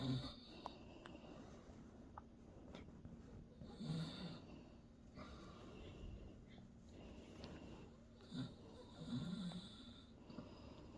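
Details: An adult man (a father) snoring in his sleep: low rumbling snores recur every few seconds over faint room noise, ordinary snoring.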